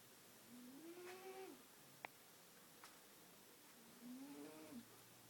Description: Yes...my cat snores. Too funny!